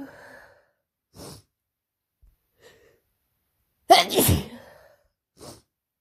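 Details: Person with a cold and sore throat that began the night before, after a stressful week working at summer camp: one loud sneeze with softer sniffs and breaths around it; sneezing.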